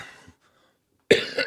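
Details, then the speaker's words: Adult man on a live broadcast, recovering from an illness with a still hoarse voice, coughs while drinking coffee on air; he says he is getting better. "I'm still coughing, drinking coffee on air. But we're getting better."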